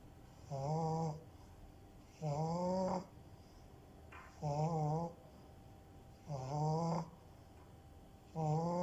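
Regular tonal, whistling snores about every two seconds, roughly 30 a minute, in a quiet room; snoring in a flat-faced dog.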